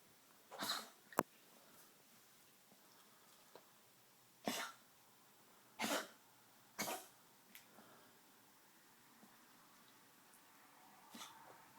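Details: Tracheal cough in a 13+-year-old Maltese with degenerative valve disease (murmur, enlarged heart, leaky valve). Four short, dry, harsh coughs spaced a second or more apart in a quiet room. His cardiologist says the cough is tracheal, not cardiac.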